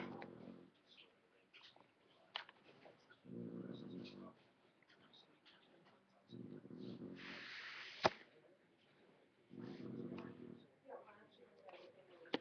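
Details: Four slow, rhythmic, low rumbling snores about three seconds apart in a quiet room, with faint clicks between them; snoring said to sound like a human's.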